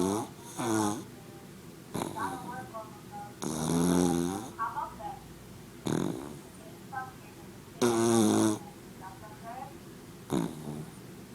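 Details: Sleeping dog snoring and snorting: loud rattling snores with snorting catches about every two seconds, softer squeaky breath sounds between them; snoring.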